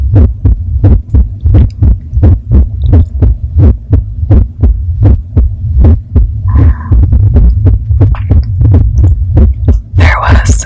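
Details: Adult female's heartbeat, loud, deep and regular at about 86 beats a minute with a low hum underneath, recorded while she talks about a stressful, anxiety-provoking drive; normal heartbeat.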